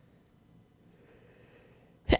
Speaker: Wait, did you hear the sneeze? I thought I muted in time.